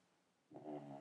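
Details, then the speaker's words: Dog snoring during sleep: after a quiet moment, a low, rumbling, buzzy breath sound. "balance that's my dog snoring if you can hear that"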